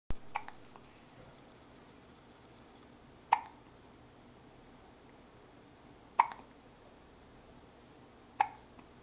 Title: hiccups!